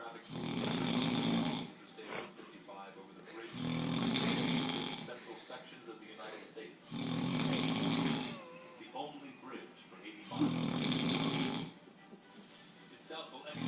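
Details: Loud, rough, rattling snores on each in-breath, about four in the clip, with quieter breathing between them: a man snoring.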